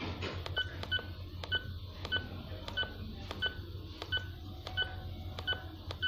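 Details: Arcomed infusion pump being set up for peripheral norepinephrine: about ten short, even electronic keypad beeps with faint button clicks during programming.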